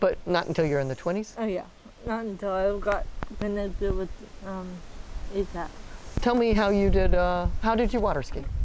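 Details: Adults in conversation; conversational speech.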